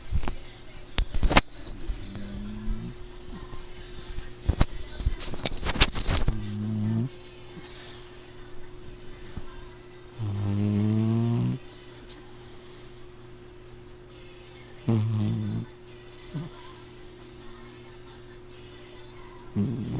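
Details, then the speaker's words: Sleeping cat snoring, microphone brought close: a few short, buzzy snoring breaths between handling noise and clicks near the mic. "my cat is snoring I don't know if we can hear it let me get the mic next to him"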